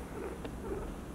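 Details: Young guinea pig at first consultation, with left-lung fluid on X-ray (likely traumatic pulmonary haemorrhage from a heavier male), pink tongue and rib-cage pain on both sides: low, rough, purring breaths with a brief squeak, loud wheezing.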